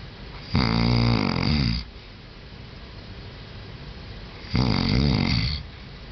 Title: Long Snoring